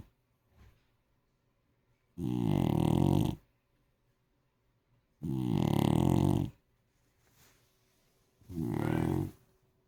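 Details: Sleeping dog gives three loud, rattling snores about every three seconds, roughly 20 breaths a minute, with quiet pauses between: snoring.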